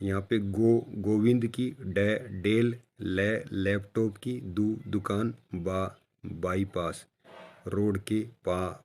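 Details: Stammering expert deliberately demonstrating a practice sentence with the first syllable of each hard word repeated, a technique for people who stammer. Voluntary stuttering (syllable repetitions).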